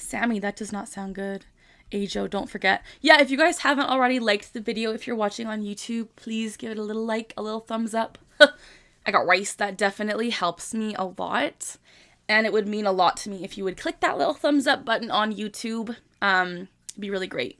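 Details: 25-year-old woman with Tourette syndrome, tics since early childhood, diagnosed at 12; repeated vocal tic phrase interrupting ordinary speech; Tourette syndrome vocal tics.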